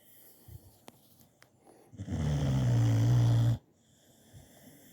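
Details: Resting dog snoring: one loud, low, droning snore lasting about one and a half seconds, with soft breathing before and after.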